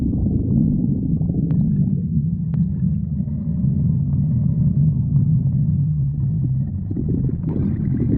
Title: stomach growling 46